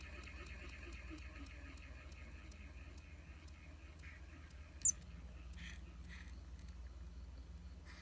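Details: Small-animal ventilator (MiniVent Type 845 mouse ventilator) running: a steady low motor hum with faint, rapid, regular mechanical clicks as it cycles.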